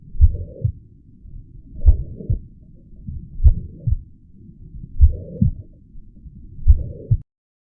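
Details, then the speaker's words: Example of a high-pitched systolic murmur in mitral regurgitation: slow, regular heartbeat with a steady high-pitched murmur filling the gap between the first and second heart sounds. "right-sided heart failure may develop causing neck vein distension and pitting edema, and a highpitched systolic murmur. You can hear an example in this audio clip."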